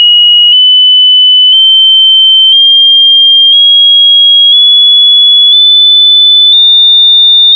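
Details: Synthetic hearing test: a steady pure high-pitched tone stepping slightly higher each second; high frequencies become harder to hear with age, e.g. above 15,000 Hz under 40.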